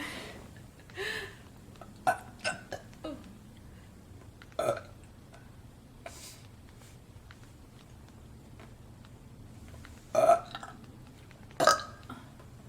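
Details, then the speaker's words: Girls burping after drinking a whole drink, one saying her stomach feels bloated with air: several short voiced belches spaced irregularly, with softer throat sounds between. "my stomach just feels like so much air bloated mhm me too oh don't burp on me what the heck"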